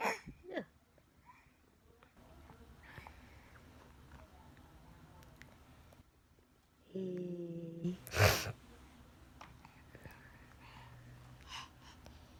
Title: sneeze !